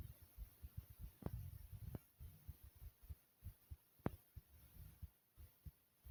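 Steady, soft low thumps of a heartbeat, about 100 beats a minute, with a faint hiss in the background.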